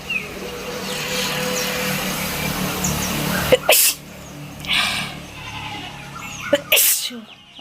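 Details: Two sharp, explosive sneezes outdoors over steady background noise, likely acted for a sneezing challenge.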